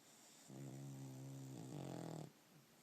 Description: Puggle Angel snores like a human!